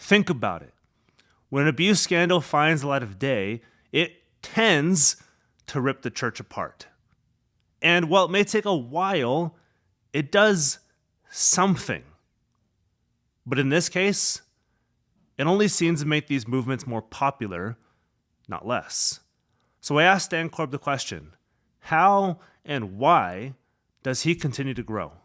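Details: Adult male speaker; ordinary speech.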